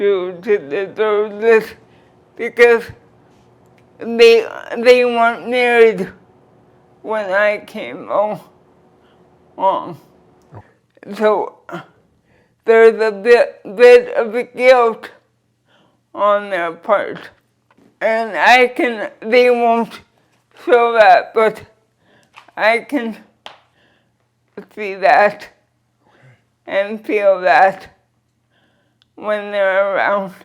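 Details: Dysarthria from cerebral palsy present since birth in a 46-year-old woman who uses a wheelchair; she describes her speech as slurred but says her comprehension is intact.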